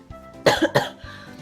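Two quick, harsh coughs from an adult, with soft music playing underneath.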